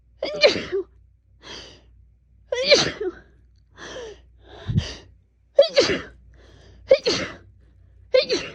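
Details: Woman sneezing all day since waking, which she guesses is fall allergies: a rapid run of about seven short, muffled sneezes with quick gasping breaths between; a sneezing fit.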